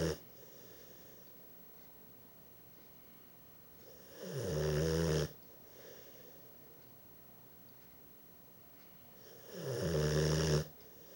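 Two loud, rumbling snores on the in-breath, widely spaced in a quiet room; ordinary dog snoring during sleep.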